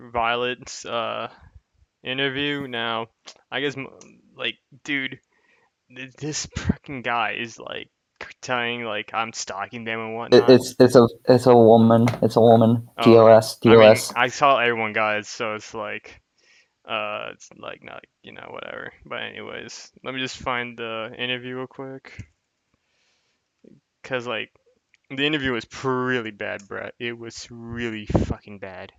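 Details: Adult male speaker; typical speech.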